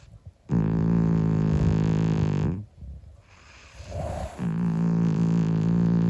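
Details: 25-year-old sleeping cat, possibly calico (hashtag), snoring loudly. Deep rattling snores, each drawn-out breath lasting about two seconds with a short pause between.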